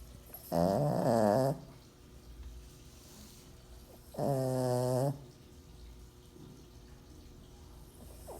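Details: Snoring from a female pug, a flat-faced dog: two loud, rattling, buzzy snores on breathing in, about 16 a minute, with quiet breathing out between them.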